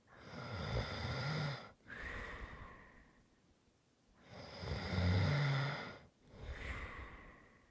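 Two slow, rough, rumbling breaths drawn in, each followed by a softer breath out, as in snoring during sleep.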